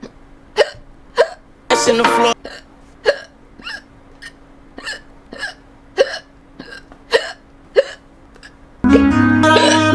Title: Hiccup Compilation Part 1